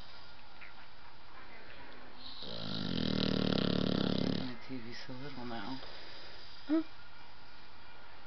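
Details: One loud, rough, low rattling snore of about two seconds, then quieter breathy sounds against steady hiss, from a sleeping blue nose pitbull puppy; snoring.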